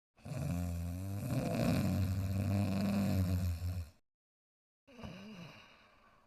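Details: Dog sleeping and snoring softly: low, rumbling snore on a long drawn breath, then after a pause a softer snuffling breath; snoring.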